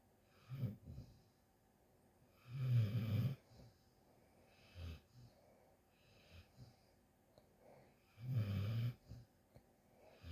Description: A Snoring Shadow Snoozes. My dog snoring it up! 🐾💤